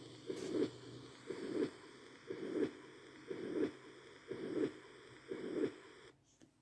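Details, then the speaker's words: Mitral regurgitation heard with the stethoscope at the fifth intercostal space, midclavicular line: six regular beats at about 60 a minute, each followed by a blowing pansystolic murmur. "هسه نهاية الفيديو هم نسمعكم الصوت هذا واللي هو متى ريجرجيتيشن، هذا الصوت مالتها."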